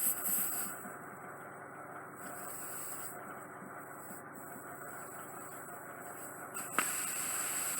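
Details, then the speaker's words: Home visit for ear wax removal: fully occluding soft wax in the right ear, settled deep onto the eardrum after scooping. The ear wax suction machine runs with steady hissing suction, a high whine and a sharp click near the end. "you might need to get not such a machine here to get the rest of it ISIF is quite deep it's settled on to the aerial lots of stuff I'll just get the suction machine"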